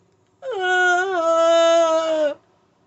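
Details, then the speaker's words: Single sustained, high, moaning wail of about two seconds, imitated by a person with tics, representing the only sound possible when the body locks up in full-body pain during a tic attack; simulated vocalization. "i i will be screaming inside because i am going through a full body pain but my body's locked up in and the only noise i'll be able to make is"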